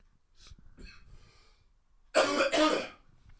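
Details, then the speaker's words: Adult with a cold whose cough has worsened over a week and hurts: faint breathy throat sounds, then two loud, harsh back-to-back coughs in a quiet room. "I will try not to cough directly into the microphone but you know you will hear me cough like I'm feeling one coming right now excuse me yeah"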